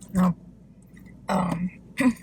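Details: Throat clearing during a mukbang eating show with chicken fingers, fries and Diet Coke: three short, low, voiced guttural bursts in a quiet room.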